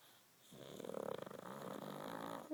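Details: Reggie snoring: a short, rough, rattling snore begins after a quiet moment; one snoring breath.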